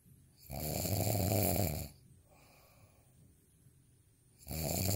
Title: snoring asmr sound 10